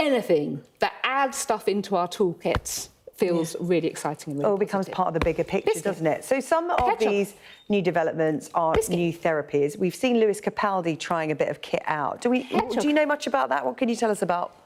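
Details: Adult woman speaking; normal speech.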